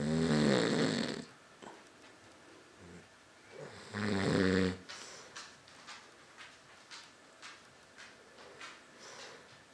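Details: Loud, rough, buzzing snores a few seconds apart, then quieter breathing in a small room; snoring.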